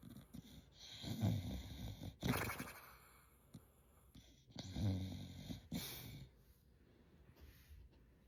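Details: A dog snoring, described as the kind of snore only seen in anime.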